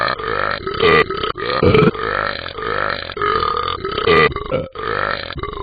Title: Gallons of Burps